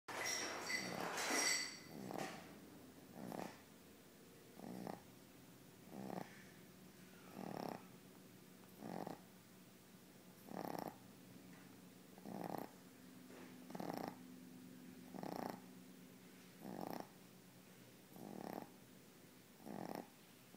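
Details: Regular snoring about 40 per minute with a buzzing tone on each breath, described as snoring like a semi.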